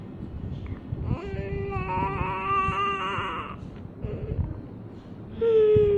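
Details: 6-week-old infant whimpering and moaning in drawn-out fussy cries that end in a louder wail, with room noise in the background; infant crying.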